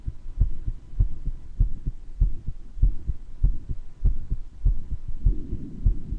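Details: Person recording their own heart murmur, with mild bronchitis causing occasional wheezes: heart murmur with a few adventitious breath sounds.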